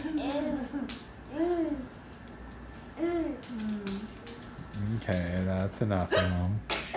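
Several abrupt voiced hiccup sounds at irregular intervals, with some laughter or vocalizing near the end; hiccups.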